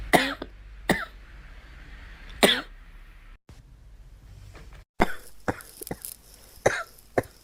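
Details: Girl coughing: several sharp, separate cough bursts with quieter throat sounds between them.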